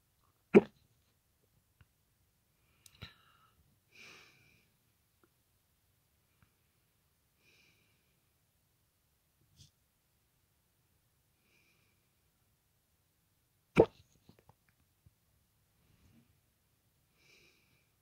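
Two sharp, abrupt hiccup sounds about 13 seconds apart, with faint small noises between, in a quiet room.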